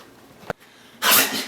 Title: What Happens When You Sneeze and Fart at the Same Time